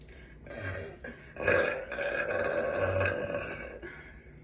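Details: Young woman burping on command: one long, loud, drawn-out voiced burp lasting a few seconds, made on purpose; burping.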